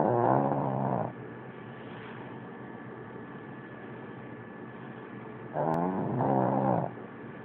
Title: power-snoring